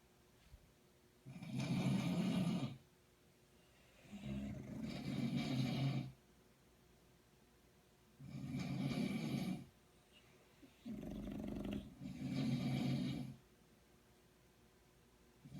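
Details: Loud, rough, rumbling snores, long and drawn out, about 17 a minute, with quiet pauses between them: ordinary snoring.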